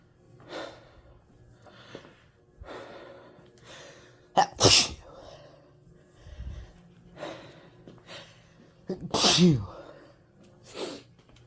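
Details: Induced sneezes to clear congested sinuses after flower exposure: two loud, sharp sneezes with quick breaths between and quiet sniffing around them; repeated sneezing.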